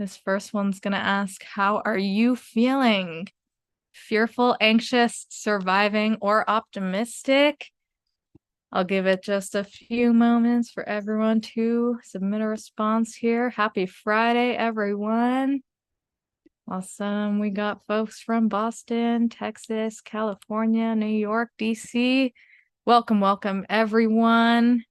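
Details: Adult woman speaking; normal speech.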